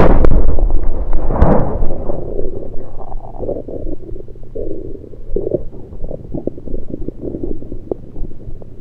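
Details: Loud low rumbling with rapid bubbly gurgles and pops over the stomach, recorded with a USB electronic stethoscope; only liquids taken at the time, cause unknown to the recorder: active bowel sounds.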